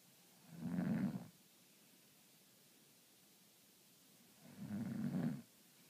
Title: The best mom snore ever